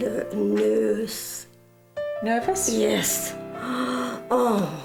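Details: woman with severe aphasia after a stroke, back home 6 months after it; severe aphasia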